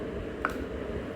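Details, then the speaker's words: Single brief sharp click over faint room noise as the used lancet is pushed out of an Accu-Chek lancing device (depth set to 4) while changing the needle for a home blood glucose test. "ஊசி இதுதான் ஊசி. இத எடுத்துட்டு இத லேசா அப்படியே push பண்ணாலே போதும். இங்க பாருங்க. இத புஷ் பண்ணாலே அந்த ஊசி வந்து வெளிய வந்துரும்."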